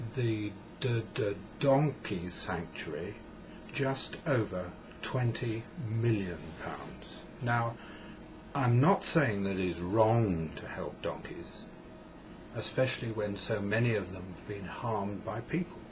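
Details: Adult man who states he has a stammer, described as a neurological condition involving blocks on words, and says he is trying to talk more slowly; stammering.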